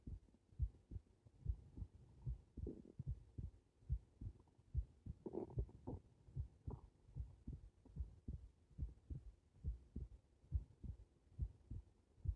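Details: Heart sounds recorded with the subject lying supine: low, steady thumps at about 70 beats per minute, with a soft hum and rustling in the background.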